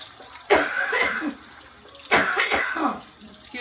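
Two harsh coughing bouts from an adult woman, each a burst followed by a short rattling tail, with faint kitchen noise.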